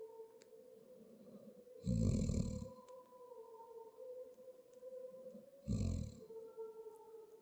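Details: Two loud, low, rattling snores about 4 seconds apart over a steady background hum; snoring.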